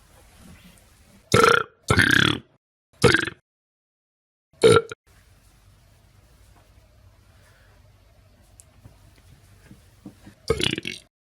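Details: Several short, throaty burp-like bursts with quiet gaps between them, from a cat; burping.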